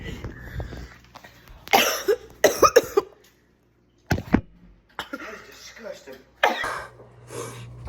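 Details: Several harsh, forceful coughs in short bursts with gagging, nearby talk in a small room; irritant coughing after eating spoonfuls of hot sauce mixed with barbecue sauce and hot honey powder.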